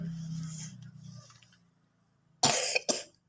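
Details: Child with a cough and cold reciting Quran memorisation: voice trails off, then two sharp, harsh coughs after a brief silence.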